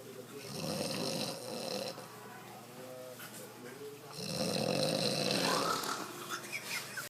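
Loud, fluttering rattles on breathing in, two main bursts separated by quieter breathing; snoring.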